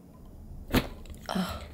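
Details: A single sharp crack followed by a soft exhale from a woman as her jaw joint releases during osteopathic manual manipulation, mandible relaxed and dropped.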